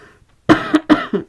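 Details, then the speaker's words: An adult woman who is coming down with an illness and has a hoarse voice gives two short bursts of coughing, each with a quick follow-on cough, in a quiet room. "Excusez-moi, je suis à moitié en train de tomber malade, donc je tousse un peu. J'ai la voix un peu éraillée, mais ça va bien se passer."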